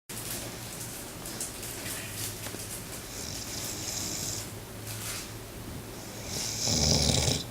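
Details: Snoring from Goliath, a 4-month-old Great Pyrenees puppy, while napping: soft, rough snoring breaths over steady room noise, with a louder snort near the end.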